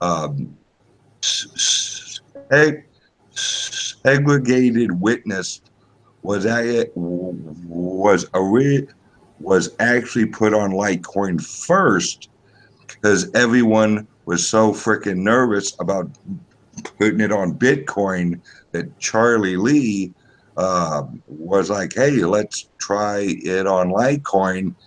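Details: Self-reported speech impediment of unspecified type in a man; stuttering-like speech disfluency.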